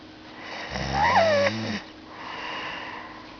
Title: Is that snoring i here?!?!?!